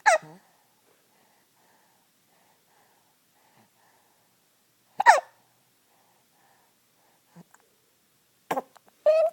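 Brief, sharp high-pitched hiccup sounds recur every few seconds in a quiet room, fitting hiccups during sleep.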